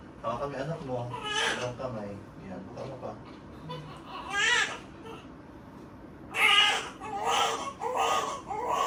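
Bursts of high-pitched newborn crying over adult talk in a delivery room; a normal cry shortly after birth.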